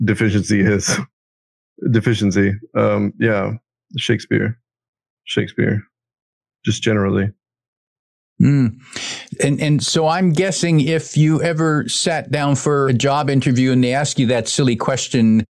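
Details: Adult man with Tourette syndrome whose involuntary vocal tic is repeatedly saying a word mid-conversation; Tourette syndrome vocal tic.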